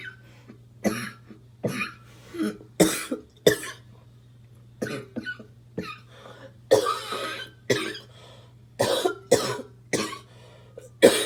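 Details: About fourteen harsh, barking coughs in quick succession from an adult smoker over a low hum; the cough comes while smoking.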